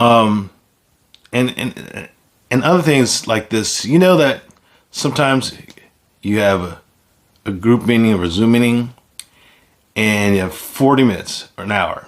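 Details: Man with aphasia following a stroke; aphasia.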